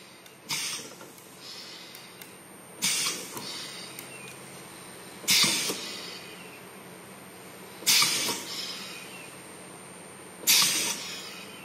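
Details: Low-cost prototype ventilator, bag-squeezing arm driven by car windshield wiper motor with Hall-sensor servo control and Arduino Nano: regular hissing, clunking mechanical cycles about every 2.5 seconds; mechanical ventilator bag-compression cycling.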